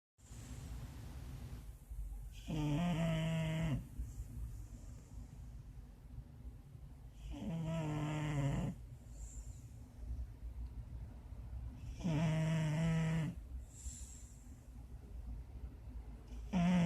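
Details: Sleeping Shar-Pei dog: loud, regular snores with a rattling, buzzing quality, about 13 breaths a minute, over quiet room noise; snoring.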